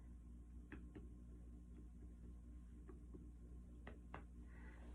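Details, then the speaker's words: Light finger percussion over the four abdominal quadrants, starting on the right side, of a patient with a flat abdomen, giving short hollow notes: normal tympanic percussion note; gas would give hyper-resonance. "what you want to listen for a normal sound is timpani and then with gas or be hyper"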